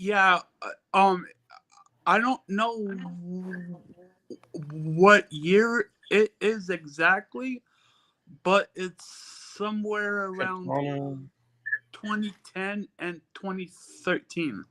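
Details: Female podcast guest who stutters and has been reading out loud to improve her stuttering and speech; stuttering.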